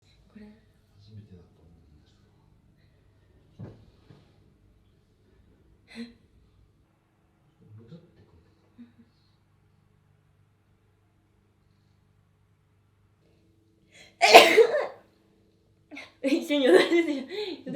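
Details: After a long quiet stretch with faint breaths, an adult gives one forceful sneeze, then voiced sounds follow; sneezing.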